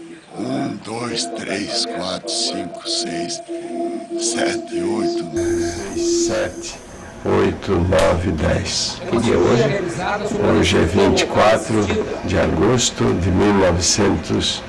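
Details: Patient with unilateral vocal fold paralysis counting from 1 to 10 and saying the date, recorded in 2011: unilateral vocal fold paralysis.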